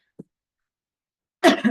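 A faint brief sound, then after a pause one harsh cough burst with a short second push: a single mild cough from an adult.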